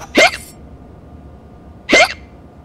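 Two short, sharp hiccups about two seconds apart over quiet background; hiccups.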